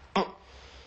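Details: 21-year-old male with Tourette syndrome, vocal and motor tics (arms, neck, legs), treated with deep brain stimulation, throat clearing stops once stimulation is switched on; vocal tic (throat clearing).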